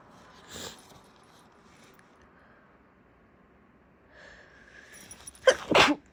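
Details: Person at the start of a bad cold: a short sharp inhale-burst, then a catching breath building into two explosive, harsh sneezes.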